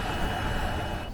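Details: Nihon Kohden NKV-330 noninvasive ventilator delivering CPAP/BiPAP via mask to a patient, ST mode 12/5, rate 12, 40% oxygen: steady blowing rush of air with a faint high tone.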